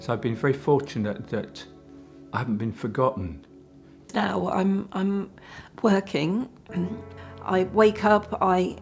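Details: Man with aphasia after a stroke caused by a clot 10 years earlier; aphasia after stroke.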